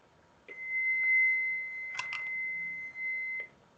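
A steady high electronic tone with brief beeps as a training defibrillator switches on, before rhythm analysis begins.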